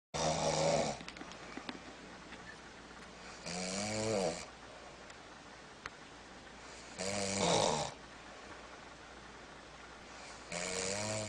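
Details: Snoring: loud rattling snores on each in-breath, about 17 a minute, with quiet pauses between them.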